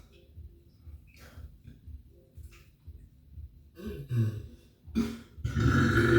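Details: Performed, acted burping for a burp challenge: deep, rumbling voiced belches growing louder toward the end over a faint low background; burping.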